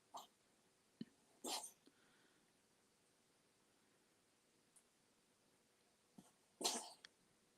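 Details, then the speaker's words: A sleeping cat that had been out in the rain, snoring earlier, wakes herself with two short, sharp sneezes and small snuffly sounds between, in a quiet room: sneeze. "I think she just woke herself up by sneezing. She was out in the rain."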